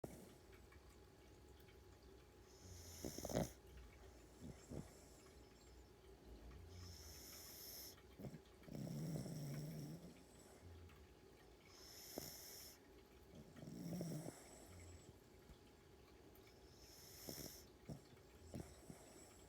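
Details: Sleeping dog snoring: soft, rattling snores with a breath about every five seconds, roughly 12 a minute, plus occasional snuffles.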